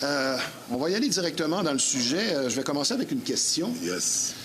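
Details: Adult man speaking French; normal voice.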